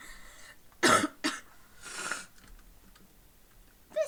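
A child gives two short, harsh coughs, then a long breathy inhale, with a brief voiced sound at the end; a lingering post-viral cough.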